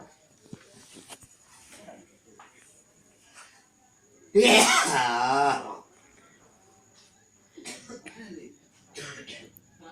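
One loud, drawn-out harsh cough with a raspy, strained vocal quality, between softer sounds and quiet talk.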